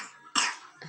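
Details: A single short, abrupt cough from a child playing in sand, in a quiet room; cough.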